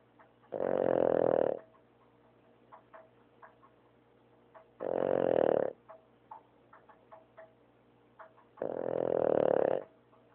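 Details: Dog snoring during sleep: three loud, rough snores about every four seconds with quiet pauses between, roughly 15 breaths a minute.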